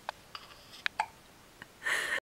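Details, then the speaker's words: Recurring hiccups ("not again"): several brief, sharp catches at irregular intervals, then a louder noisy burst at the end. "You got the hiccups? Oh dear. Not again."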